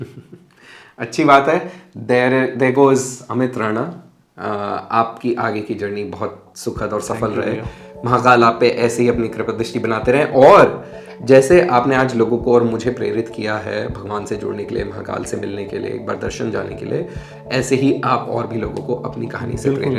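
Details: Adult male speaker (interviewer); ordinary fluent speech.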